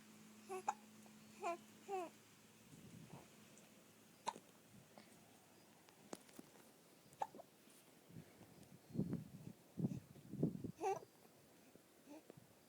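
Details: Infant hiccups while relaxing on an outdoor couch: brief sharp hiccup sounds at irregular intervals, with soft fussing noises between them in a quiet room; hiccups.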